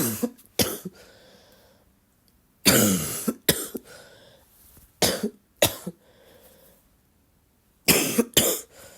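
Several bursts of coughing in pairs, with rough, rattly throat-clearing afterward; a loose, wet-sounding cough.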